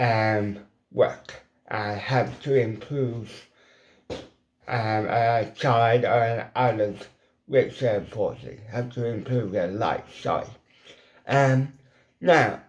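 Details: Adult man with ataxic cerebral palsy; weak lip muscles cannot form the shapes for certain letters; lifelong speech impediment; dysarthria.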